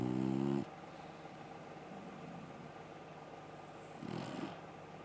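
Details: Dog named Rio snoring while asleep: a loud, buzzing snore, then a softer one about four seconds later, over steady room noise.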